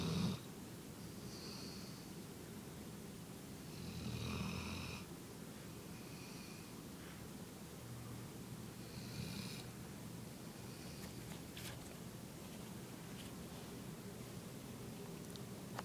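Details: Small female dog asleep in owner's lap: soft, low rattling breaths repeating through quiet room noise; ordinary snoring.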